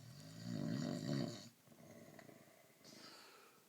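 A rattling, fluttering snore on one breath, then softer noisy breathing in a quiet room.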